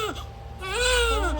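Brief, clear, high-pitched wail from a newborn just after birth; a strong first cry.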